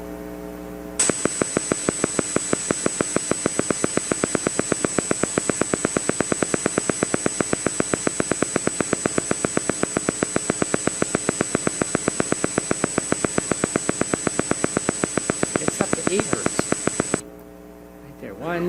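Steady, regular crisp popping from one motor unit on EMG, gradually speeding from about 6 to about 8 per second over a faint static hiss.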